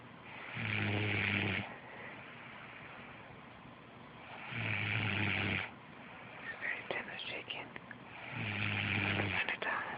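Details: Sleeping person: loud rattling snores on each breath in, about one every four seconds, with quiet breathing out between and light background noise; snoring.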